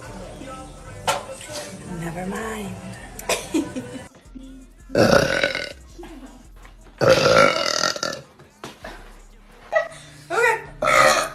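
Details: Girl burping: several loud, drawn-out belches with talk and background music between them; burping.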